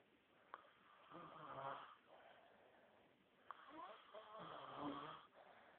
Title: Let sleeping bears snore